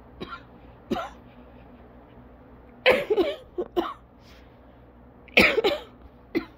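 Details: Coughing in an asthma coughing fit lasting over 30 minutes, causing lightheadedness, dizziness and difficulty taking normal breaths.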